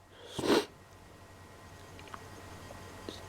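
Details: One loud explosive sneeze in a quiet room followed by faint sniffing, triggered by snorting black pepper; irritant-induced sneeze.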